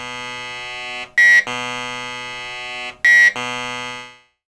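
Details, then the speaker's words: Normal MRI scanner noise during one type of research brain scan, from a preparation guide for children: a loud, steady buzzing tone broken by two brief higher-pitched bursts; each scan type lasts several minutes and sounds different. "the scanner makes all kinds of noises when it's taking pictures and we take many different kinds of pictures each type of picture we take lasts several minutes and each may sound a little different this is how the scanner sounds when we're taking one kind of picture"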